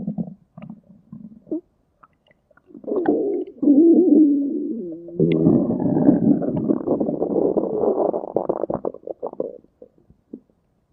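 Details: Stomach growling: low gurgling rumbles with brief bubbly pops, normal borborygmi.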